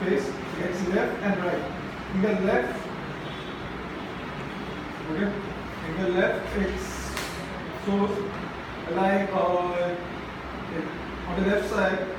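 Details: Adult man from Mumbai who stammers, speaking at a stammering self-help group; stuttering.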